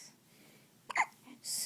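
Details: A baby's first hiccups: a single short, squeaky hiccup with faint room noise around it.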